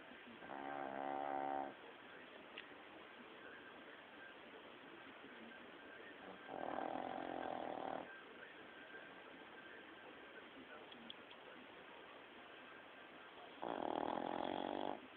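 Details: Long, rattling snores roughly every six to seven seconds over a steady background hiss, from a sleeping dog; snoring.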